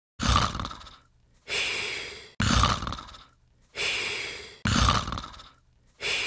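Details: Simulated cartoon snoring from the Pink Panther sleeping: rasping inhales alternate with long airy exhales, about 13 cycles a minute.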